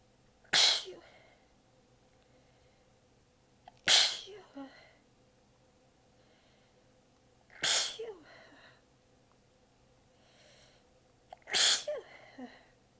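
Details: Four forceful sneezes a few seconds apart, each followed by a soft breath or sigh; the person was exhausted with sore abs and biting them back during a massive fit. Sneezing fit.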